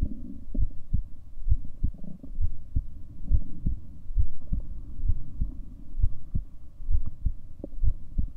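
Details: A person's own self-recorded heartbeat from a 7-minute recording: steady paired heart thumps at about 66 beats a minute over a faint, steady hum.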